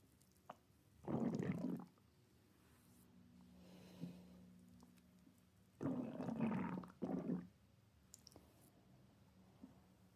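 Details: Two main bursts of low, gurgling, rumbling gut noise from a woman, with a faint quieter grumble between them in a quiet room: stomach growling (borborygmi).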